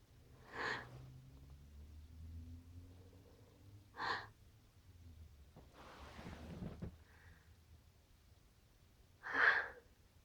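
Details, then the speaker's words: Several short bursts with breathy build-ups between them, repeated sneezes or sneeze attempts in a quiet room, with the person saying they have to sneeze. "Sneeze. Phew. I gotta sneeze. Phew. Phew. Sneeze."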